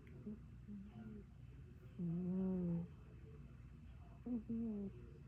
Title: Snoring Panther